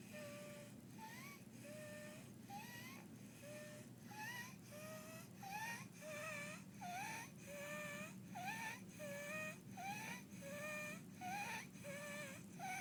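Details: 2-year-old girl with croup at rest in bed after hospitalization, on prescribed inhalers, with barking cough, distressed breathing and chest retractions: high-pitched inspiratory stridor at about 42 breaths a minute.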